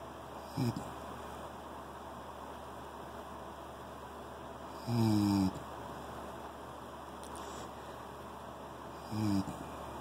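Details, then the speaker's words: Sleeping pet whose owner fears his breathing is too erratic: three short, low, buzzing snores about four seconds apart over a steady hum; snoring. "I don't know anybody that breathes like that. It scares the shit out of me."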